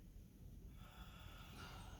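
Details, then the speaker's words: Servo-i ventilator, air-powered at 50 PSI, delivering a single manually triggered breath via start-breath button in a tutorial: rushing whoosh of air rising partway through. "What happens when I hit start breath? Starts breath. It gives my breath."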